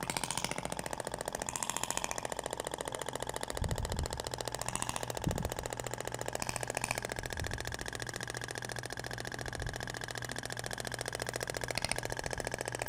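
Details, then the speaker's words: Thork Ibramed radial shockwave applicator with a stainless-steel tip (a different sound than the polyacetal tip), passed slowly over the abdomen avoiding the umbilical scar: rapid steady tapping of about 3.5 pulses a second over a constant hum. "Agora vai pro outro sentido. Até o barulho é diferente da ponteira de polcetal pra inox."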